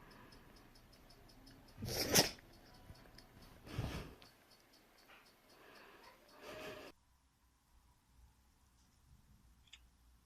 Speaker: Seller's kitten, Pharaoh, cannot stop sneezing. He's already sneezed like 20 times in a row. I think something's probably just irritating his nose.